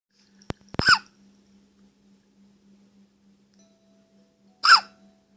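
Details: Young child with hiccups: two abrupt, voiced hiccups about four seconds apart, with soft clicks before the first, in a quiet room. The hiccups reportedly stopped when the mother's call startled the child.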